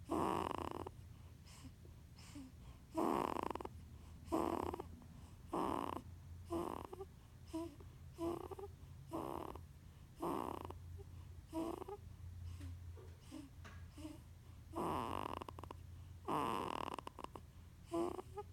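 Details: Soft, rhythmic snorty noises with short grunts on the breaths of a sleeping 15-day-old newborn girl, against a low background hum; she sounds like she is snoring and grunting at the same time.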